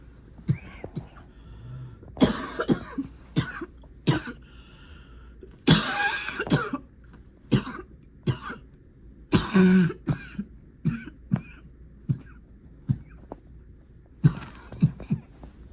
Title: #59 - *from earlier this year* sick with a cold and a miserable cough